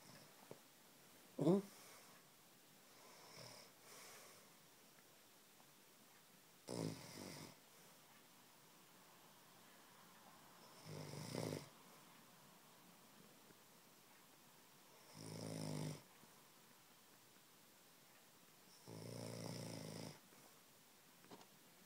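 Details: Pet dog snoring while asleep: regular rattling snore bursts, about 15 breaths a minute, with quiet room noise between.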